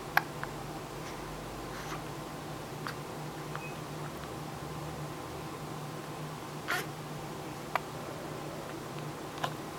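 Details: Brief, sharp, isolated hiccups from an infant, about five in ten seconds, over quiet room hum.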